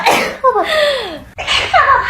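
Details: A quick voiced sneeze with a high 'achoo' call, then a brief follow-on vocal sound; an ordinary sneeze.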